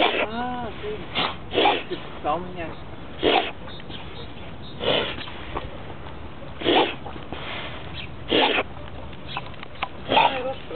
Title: reverse sneezing